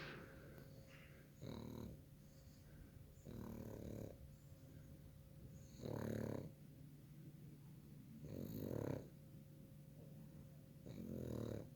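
Soft rhythmic snorting snores, about five in twelve seconds, from a sleeping small dog. Snoring.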